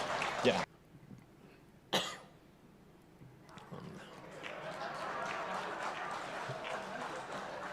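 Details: Voluntary cough: the Indonesian President deliberately coughs twice into a microphone during a party speech as a joke, followed by rising crowd applause and murmuring.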